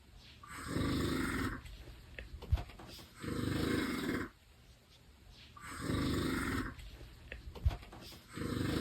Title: Funny snoring